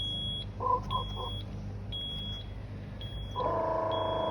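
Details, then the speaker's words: Zoll EMV+ transport ventilator pre-operational check, filter deliberately occluded, no patient: repeated high beeps and short warbling tones, then a sustained tone; high airway pressure alarm. "The next step is to occlude the filter, and the ventilator should indicate a high airway pressure."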